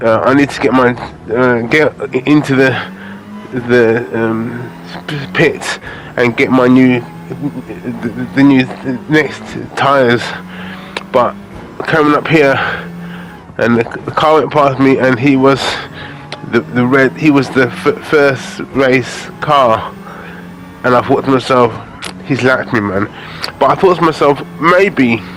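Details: Adult man with aphasia after a major stroke in August 2013, doing gaming commentary to practise his speech; repetitions and fillers audible; aphasia.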